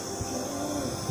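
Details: Steady mechanical hum with continuous airy hiss: nebulizer compressor running during a doctor-recommended breathing treatment to loosen lung secretions in a child with cerebral palsy, who becomes agitated by the mask.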